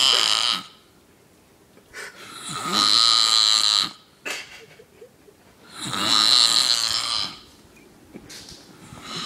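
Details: Snoring: rough, hissing snores on slow breaths, about 18 a minute, with quiet pauses between.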